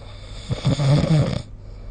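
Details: Snoring recorded during sleep with the SnoreLab app: a single low, rattling snore on an in-breath over steady room hiss.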